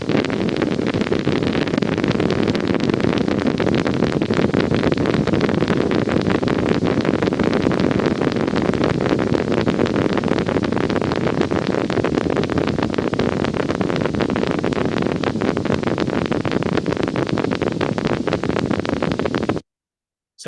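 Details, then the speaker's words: Needle EMG: continuous dense crackling of many overlapping spikes, firing pattern hard to discern: dense fibrillation potentials. "these actually are all fibrillation potentials this is dense fibrillation potentials so it becomes much more difficult to recognize the firing pattern here"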